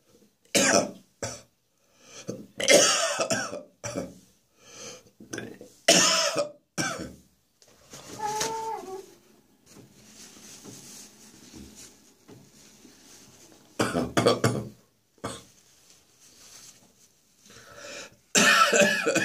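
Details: Adult with a throat infection: repeated harsh coughs in close clusters, a brief throaty vocal sound and a quiet pause midway.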